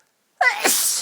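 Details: Very violent, strong sneeze within a fairly rapid sneezing fit that had been going on for about ten minutes, with big build-ups: a sharp voiced intake, then a loud hissing burst of air.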